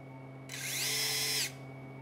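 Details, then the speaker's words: Surgical bone drill during revision PCL reconstruction (triple semitendinosus graft with fiber tape augmentation) of a woman's knee: about one second of high-pitched whining as the drill cuts a transtibial tunnel via drill guide. "This is my drill guide through transtibial, and right of this bigger metal thing you're seeing, there's all the vessels and nerves, so we really have to take care."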